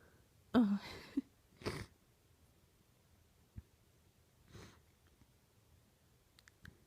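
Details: 18-year-old female sneezing into an old T-shirt, trying to stay quiet: several strong, powerful sneezes muffled into cloth with quiet pauses between; ordinary sneezing.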